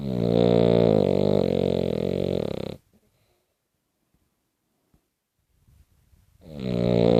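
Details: Loud, rough, rattling snore on the in-breath, then a quiet pause of several seconds before the next snore begins.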